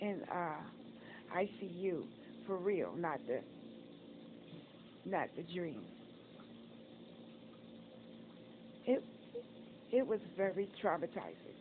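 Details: Adult woman disabled after a stroke and several heart attacks, with facial apraxia and recent open heart surgery; she reports poor tongue control and word-finding delays; word repetitions and reformulations heard; post-stroke speech impairment (aphasia / dysarthria)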